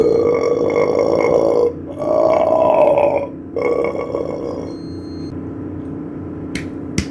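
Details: Burping: three long, loud, drawn-out belches, the last fading into a softer rumble, after eating cake and ice cream.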